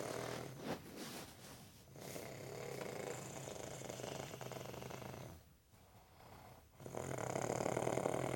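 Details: Rough, noisy sleep breathing with fluttering snores, partly masked by room noise, from a person who denies snoring; snoring.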